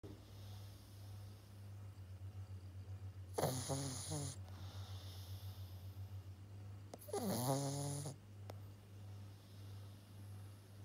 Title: 7 months old Pug puppy snoring